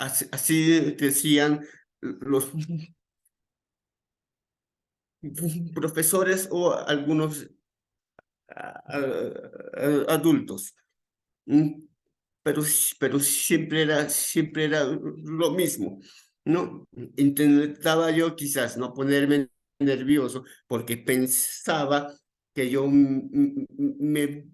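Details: Adult male psychologist who stutters, with onset around age 7 that became more noticeable around age 11, describing his stuttering as uncontrolled on the day of this talk; repetitions are heard; stuttering.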